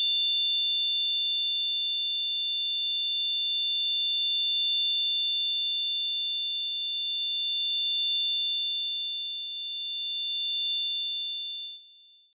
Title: Tinnitus Sound Effect - Ringing In Ear - No Copyright - Sound Effects